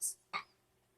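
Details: Older brother, a young child, with hiccups: a hiss-like breath, then one short, abrupt voiced 'hic' in a quiet room.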